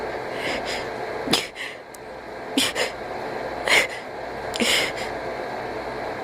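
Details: Cat sneezing about four times in quick succession with soft snuffly breaths between.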